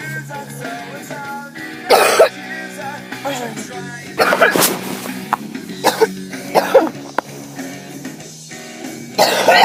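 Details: Person with a cold: several harsh, noisy cough bursts with throat clearing between, over background music; harsh cough.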